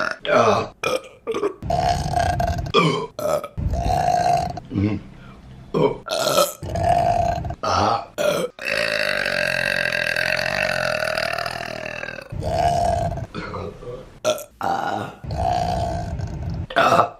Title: Burping Compilation May #3 | RBC